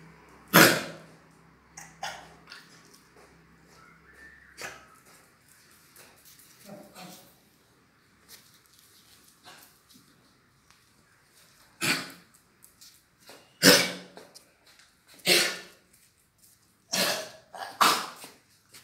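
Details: Dog with a cold making choking sounds: repeated harsh hacking, gagging bursts, some in quick pairs, with quiet gaps between; gagging cough.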